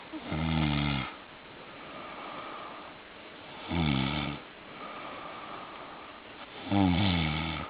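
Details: Adult man snoring while camping: three loud, low, rattling snores on inhaling, about 20 a minute, with quieter breathing and steady background hum between them; snoring.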